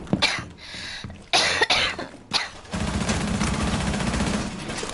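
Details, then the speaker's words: Girl with a sore throat who says she wants her cough gone, coughing while gaming: three or four harsh, forceful coughs, then steady background noise. "早く咳をどうにかしたいよ。"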